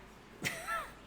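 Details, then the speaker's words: Small dog with allergies, diagnosed by a vet, gives one short harsh cough-like burst then a brief honking, squeaky tone over quiet room noise; she is on medication. Allergic cough. "sorry she's got a weird cough this must be what filming with toddlers is like"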